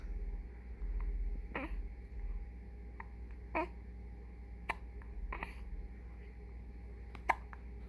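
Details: About five short, sharp hiccup sounds at uneven intervals, with an adult voice and room hum in the background: ordinary hiccups.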